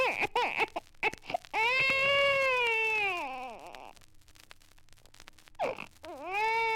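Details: Archival recording of an irritated infant, described as possibly rudely awakened, force-fed or frightened, crying in loud, sustained wails broken by short gasping catches of breath.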